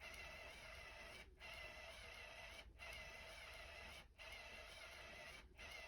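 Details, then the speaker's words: CADD Solis VIP home infusion pump priming tubing onto a paper towel to clear a large air bubble, nurse demonstration: continuous mechanical whir with brief regular pauses, about 43 a minute; infusion pump priming. "So I'm just going to let this prime out on my paper towel."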